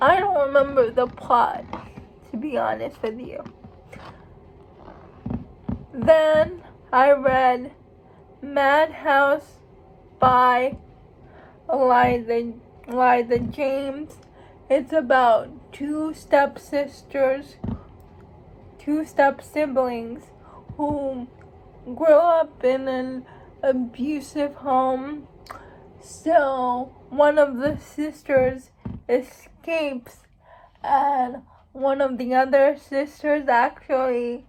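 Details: Speech of a young woman who states she has cerebral palsy; speech in cerebral palsy.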